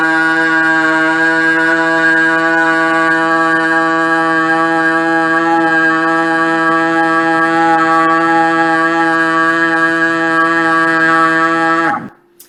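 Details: Adult woman, sustained vowel; Strained (tense) voice.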